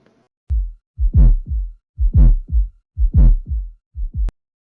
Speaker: Y tenemos finalmente un cuarto ruido cardíaco. Dicho ruido se va a expresar siempre en situaciones patológicas. Este cuarto ruido se produce por una vibración auricular y por la poca distensibilidad que puede existir en el ventrículo.